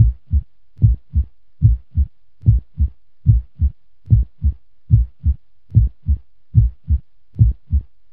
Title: Heartbeat sound effect normal speed